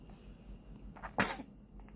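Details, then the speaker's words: Newborn baby gives a single sharp, high-pitched sneeze in a quiet room; ordinary harmless infant sneeze. "재채기를 하시네. 어거 귀여워."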